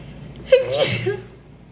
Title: Induced sneezing! See you on Patreon for uncensored videos and requests #cantstopsneezing #sneezing